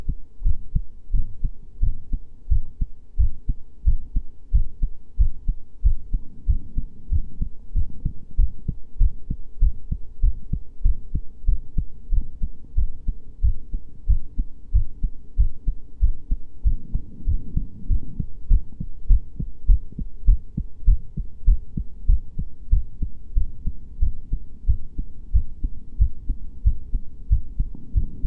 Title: My first heartbeat sounds file